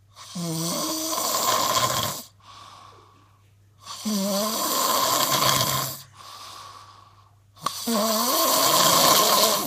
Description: Proof that you do actually snore a little! Lol. :-)